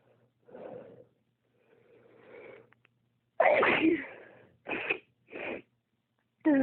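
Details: Rapid run of intense sneezes with short inhaled build-ups between them. The sneezing spell is triggered by cold toes on getting out of bed without warm socks when the weather changes; the trait is said to be inherited from the father.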